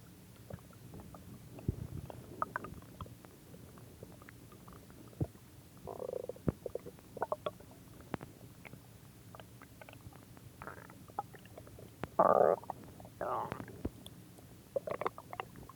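Scattered gurgles and squeaky rumbles over a quiet background; ordinary stomach growling.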